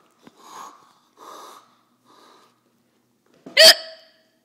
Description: Kid making fake hiccups